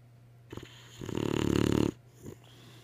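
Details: Boxer dog: a single rattling, fluttering snoring breath lasting about a second, with soft breaths before and after; snoring.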